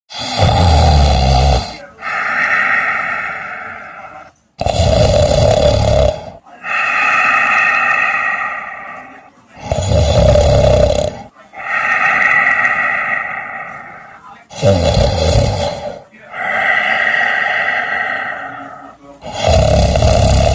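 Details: Two fat cats snoring: loud, steady snores at about 13 breaths a minute, each a rough snorting intake followed by a drawn-out, buzzing breath out.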